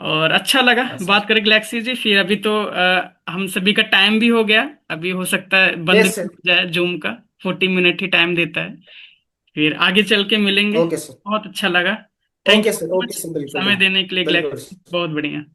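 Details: Adult man speaking Hindi; fluent speech.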